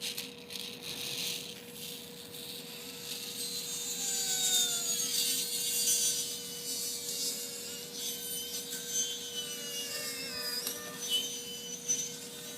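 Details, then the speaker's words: Hemilaminectomy in a small terrier dog with acute hind-limb paralysis and a lumbar disc rupture confirmed on CT and myelogram: steady high-pitched whine of a 3 mm high-speed burr drilling into the disc space, with scraping rasp and faint room noise. "So, I'm suctioning into the disc I mean, sorry, drilling into the disc space. Yes, please. Yeah, great. Thanks. So, drilling into that disc space so that I can scoop out the rest of the disc, yeah."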